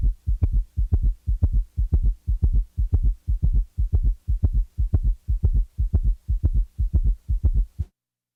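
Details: Summation gallop: rapid, regular low heart sounds with a loud extra diastolic thump, giving a galloping rhythm on auscultation.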